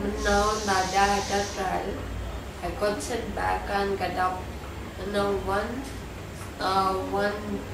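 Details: Man with cerebellar ataxia mainly affecting balance, speaking after stem cell therapy in Mumbai; ataxic dysarthria inferred, not stated.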